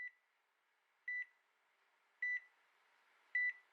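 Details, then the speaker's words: Single clear electronic beeps, about one a second, from a bedside monitor in intensive care, beside a woman in an induced coma after surgery, signalling she is stable; a dramatized true-crime narration. "La máquina junto a su cama emitía un pitido intermitente, lo que confirmaba que cara estaba estable."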